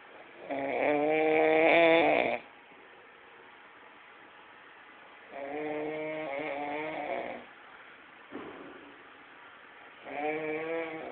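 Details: Notoriously loud sleeper's snoring, likened to a tractor engine: loud, buzzing snores on each breath, about every four to five seconds, with quiet pauses between; snoring.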